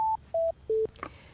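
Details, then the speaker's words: Lifepak CR Plus automated external defibrillator switched off by holding the on-off button during electrode replacement: three descending beeps followed by a click, a normal shutdown tone. "Hold down the on-off button to turn it off so you don't use up the battery."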